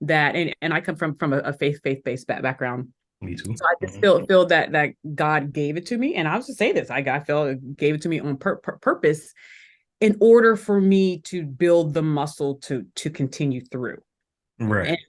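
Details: Adult woman who still stutters today; part-word and word repetitions audible; stuttering.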